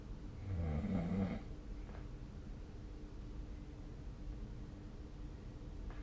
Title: 🐽 いびきの音 / Snoring Sleep Sound 2025/05/20